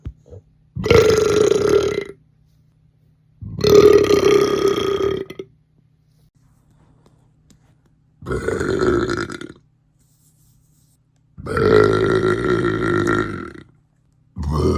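Five long, loud, resonant belches, each one to two seconds, separated by silence; ordinary burping.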